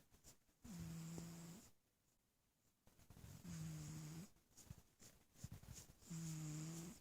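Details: Sleeping little cat snoring softly: buzzing snores, three in seven seconds (roughly 22 a minute), with quiet pauses between breaths.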